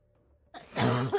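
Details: A single harsh cough burst after a brief quiet lead-in, with faint background sound; adult gamer coughing heavily during a 12-hour livestream.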